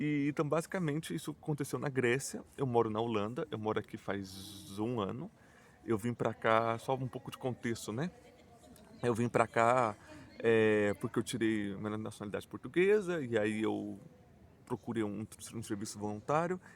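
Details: Adult male Portuguese speaker who stutters and says his stuttering is marked by repetitions, blocks and silences; stuttering.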